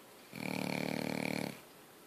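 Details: Single rattling, fluttering breath about a second long over steady room hiss; snoring.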